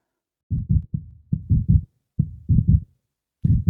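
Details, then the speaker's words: Demonstration of an irregular heartbeat: low heart thumps with uneven timing, clustered beats then pauses; irregular heart rhythm. "Does that sound normal to you? I don't think so."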